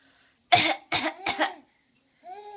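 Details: A baby with a bad cough gives three short, quick coughs in a row, then a brief voiced sound, and seems to find coughing funny.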